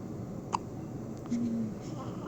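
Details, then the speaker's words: A single short, sharp hiccup over room noise, followed by a faint brief voiced sound, from a little boy waiting to go home; hiccups. "what are you doing? You got the hiccups?"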